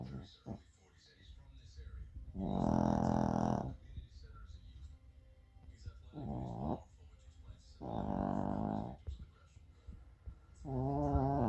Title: Rainy Day Snuggles #rain #shorkie #snoring #harley